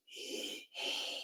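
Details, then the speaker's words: Spoken imitation of a pleuritic breath sound with an "e" timbre, each breath one inflow and outflow, made with the corner of the mouth close to the ear and contrasted with tubular and cavernous murmurs. "Eso sería un tubico el pleurítico más o menos así con la comisura labial lo más cerca de la oreja"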